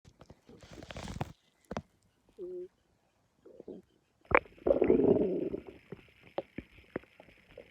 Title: Something doesn’t feel right 🤢💩(stomach growling)